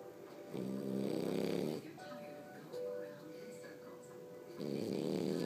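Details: Two people snoring while asleep: buzzing snores rising and falling with breathing, faint music in background.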